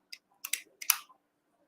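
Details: A few sharp mechanical clicks and snaps as a lancet is inserted into a finger-pricking lancing device, which is set and fired before blood is applied to a glucose test strip.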